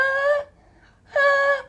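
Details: Speech therapist imitating phonated (noisy) inspiration, a voiced sound on breathing in seen in singers, dubbers and announcers, caused by the vocal folds staying close together during inspiration; acted demonstration, not a patient.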